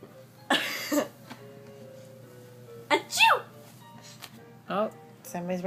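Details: An older sister sneezing and coughing in sharp bursts while her little sister laughs between them; ordinary sneezing and coughing.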